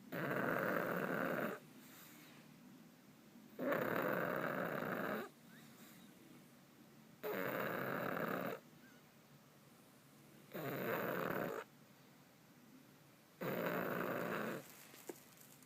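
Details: Loud rasping snores in long bursts, about five in fifteen seconds with quiet gaps, from a sleeping pug.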